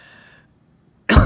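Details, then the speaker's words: Single abrupt, forceful cough, cut off at the end, from a person on day 4 of a 10-day isolation period; fever has eased but the cough has gotten significantly worse. "the fever's reduce the cough has gotten worse and significantly worse it's pretty bad it's pretty bad"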